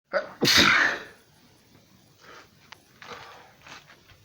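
A single forceful sneeze with a quick intake before it, then quiet breathing and faint rustling.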